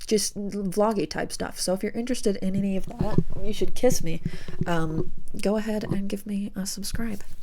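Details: Adult woman with self-reported severe Tourette syndrome, who expects to tic more during recording; an unrelated phrase is inserted mid-sentence, apparently a vocal tic. Finding: vocal tic (Tourette syndrome).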